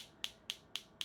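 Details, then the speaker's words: Focused shockwave therapy set high at 35 to break up dense tissue in a hand with Dupuytren's contracture; sharp, regular clicking pulses about four per second from the focused shockwave device firing at high intensity. "This is the focus shockwave and we've got it up high at 35."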